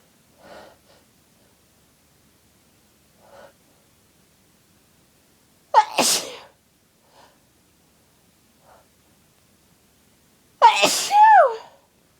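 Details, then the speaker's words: Adult with a cold having a sneezing fit: quiet breaths building up, then two loud, forceful, uncontrollable sneezes in a quiet room. "Been totally teased by cold sneezes. Oh. Oh, bless me. Oh God, I'm gonna sneeze again. I feel it building."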